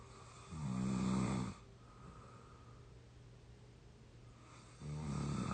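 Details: Exhausted 22-year-old asleep: two vibrating snores on the in-breath with a hissing exhale between them; snoring during sleep.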